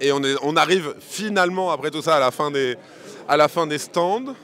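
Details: Adult man speaking French; normal voice.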